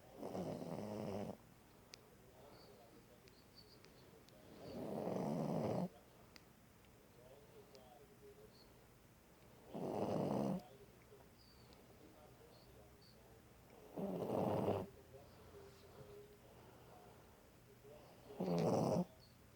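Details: Dog snoring during sleep: five slow, rumbling snores on the in-breath, about 14 a minute, with quiet pauses between.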